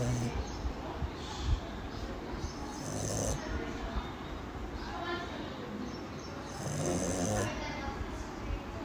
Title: Snoring #marvel #disney #sleep #snoring #shorts #cuteanimals #funnyanimals #funny #shihtzu #love